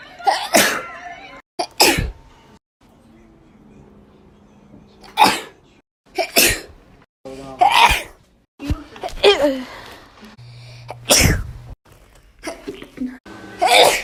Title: 2k18 sneezes